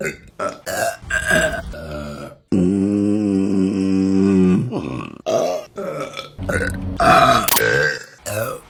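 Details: Female burps from a compilation: several deep, croaking throaty belches, one long and drawn out lasting about two seconds; repeated burping.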